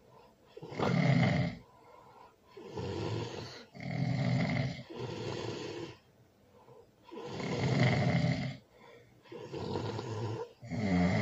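Loud rough snores in steady cycles, about 18 a minute, with quiet gaps between; heavy snoring.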